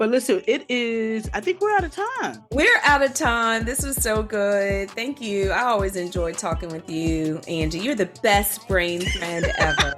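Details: Adult speaker; ordinary fluent speech.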